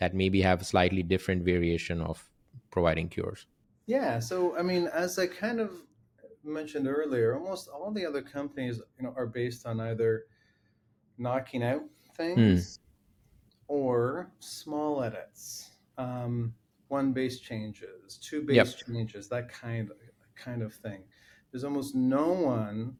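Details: Adult man with lifelong familial stuttering; words broken by long pauses and a word repeated many times.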